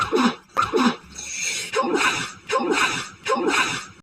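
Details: Allergic sneezing fit triggered by perfume; lately nearly every scent makes her sneeze, hitching all day. A rapid run of about five hitching sneezes in four seconds, each with a sharp catch of breath.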